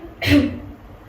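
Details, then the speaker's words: Simulated nursing role-play: adult female patient with productive cough, sitting upright, takes deep breaths, holds 3 seconds, then gives a single short, strong cough; effective forceful cough bringing up phlegm during chest physiotherapy. "Baik, sudah keluar ya Bu ya dahaknya Bu. Bagus sekali Ibu, batuknya kuat, dahaknya mulai keluar."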